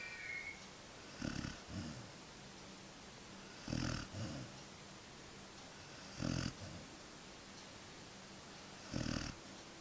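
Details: Sleeping Husky puppy: soft, rattling snores roughly every two and a half seconds with quiet pauses between; ordinary snoring.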